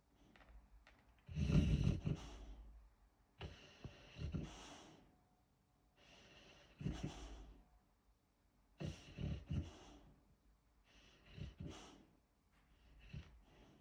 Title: Snoring Alert! Boxer Rocky Twitching in His Sleep 😂🐶 #boxerdog #dog #dogs #dogshorts #sleepydog